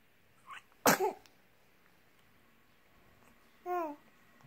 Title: Sneezing baby, too cute.